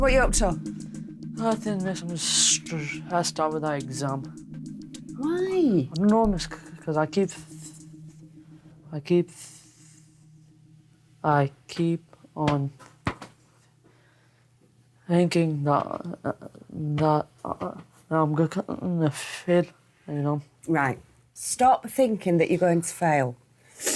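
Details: Year 11 male student with severe stammer since childhood, worsened by anxiety about leaving school, speaking in an English lesson ahead of his GCSE speaking exam; stuttering.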